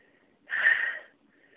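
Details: Person with a cold during a sneezing fit: a single sharp, hissing, very congested sneeze burst lasting about half a second in a quiet room; sneeze.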